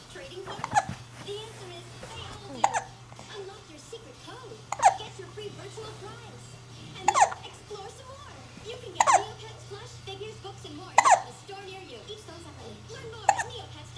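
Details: Baby with hiccups: sharp hiccup bursts roughly every two seconds, about 30 a minute, between soft babbling over a steady hum; repeated hiccups.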